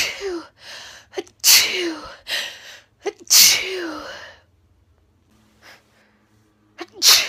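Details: Female sneezing, from a compilation, after saying it tickles: several sharp sneezes, each after a quick indrawn breath, with short pauses between; ordinary sneezing.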